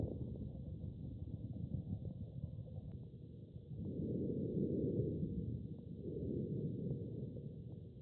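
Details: Normal human lung sounds: soft, low rushing breath sounds in smooth cycles with no crackles or wheeze, steady faint hum throughout.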